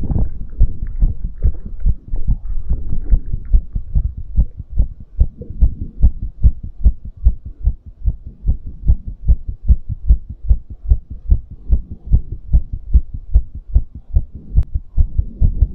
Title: Fast Heartbeat After Exercise | Fast Heartbeat ASMR | 2022-02-22